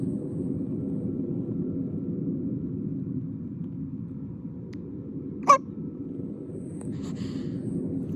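One sharp, abrupt hiccup sound over a steady low engine rumble.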